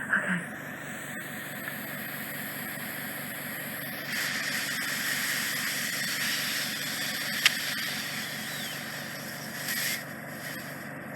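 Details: Endoscopic microsuction by a consultant audiologist of deep impacted wax in the isthmus of a woman's ear canal, near the eardrum: steady loud suction hiss and rumble with brief crackles and a sharp click as wax is removed.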